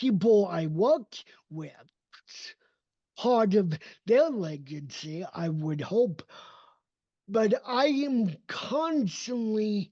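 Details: Adult male with cerebral palsy, a neurodevelopmental disability affecting motor development and movement; dysarthria (cerebral palsy).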